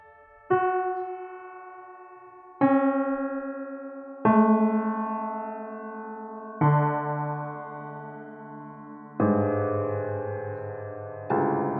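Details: Diplacusis simulation.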